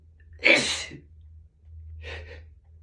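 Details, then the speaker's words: An adult with morning allergies and a tickly nose: one loud, explosive sneeze with a hissing burst of air, then a softer breathy exhale over a low room hum; allergy sneezing. "Not sure what is that What's setting me off this morning, but It's definitely going Excuse me. It's going to be a Sneezy day."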